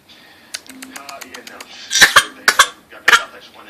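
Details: A 5-month-old infant gives several short, sharp, playful voluntary coughs after a run of soft clicking sounds, seeming to like hearing himself cough.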